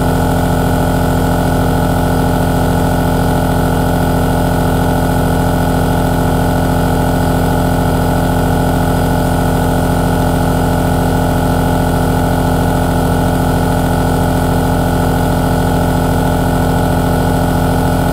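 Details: 3H aerosol nebulizer running: steady mechanical hum with a fast, even pulsing throb, the continuous sound of a compressor nebulizer.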